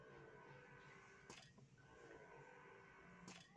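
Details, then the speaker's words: Spectra Dual Compact electric breast pump running: low motor hum with a soft suction click about every two seconds. "Ini level 8 nih, kekuatannya 230. Masih nggak sakit, nyaman-nyaman aja. Kayaknya bisa nih dinaikin lagi, naikin lagi."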